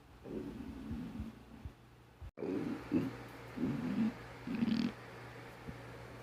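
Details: About five low, gurgling rumbles in bursts with quiet gaps, from a person who had eaten nothing since morning while doing homework: hunger-related stomach growling.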